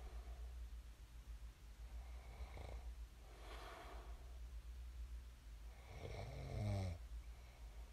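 Quiet breaths ending in one clear vibrating snore over a steady low room hum.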